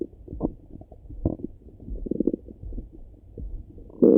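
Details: Morning stomach rumbling heard through a stethoscope: low gurgling and bubbling rumbles with irregular bursts, ordinary bowel sounds (borborygmi).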